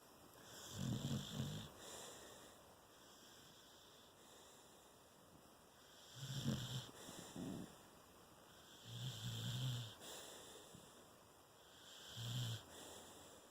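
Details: Sleeping dog: low, rumbling snores in short bursts with each breath over a steady background hum; snoring.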